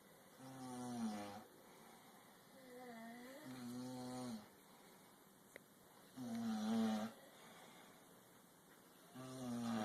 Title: Jamon Snoring